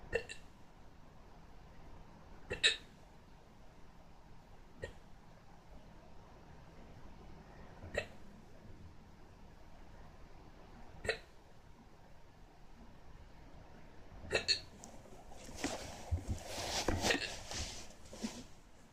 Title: hiccups again